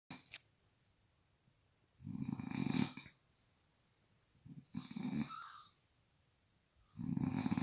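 Loud, rumbling, growly snores about a second long, separated by quiet pauses; snoring, roughly three snores in seven seconds.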